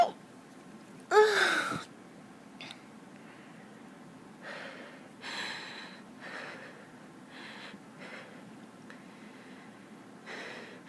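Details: Young woman with allergies and an itchy nose: one loud, sharp sneeze after a brief inhaled build-up, then softer breaths and sniffs in a quiet room.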